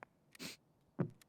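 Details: Live-streamer sneezing while playing a video game: a brief sharp intake, a hissing burst, then a short voiced release; a quick, muffled sneeze.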